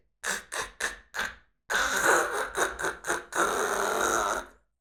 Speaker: I'm sorry to be graphic about it, but when you have sleep apnnea, it sounds like this.